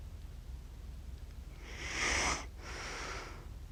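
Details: Accidental recording of an adult sleeping, self-described as snoring funny: a single noisy snorting snore standing out from quiet room noise.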